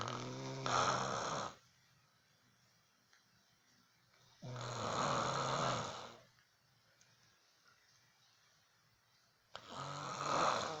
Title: Mom snoring